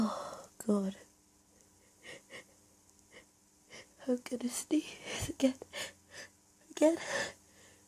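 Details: Stifled, held-back allergic sneezing fit during a hiding scenario: a series of soft, suppressed sneezes and catching breaths close together in a quiet room, recorded as natural fits with little inducing.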